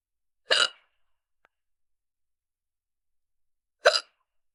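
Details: Young woman just starting to get hiccups while shopping: two sudden, sharp hiccups about three seconds apart, with near silence between them.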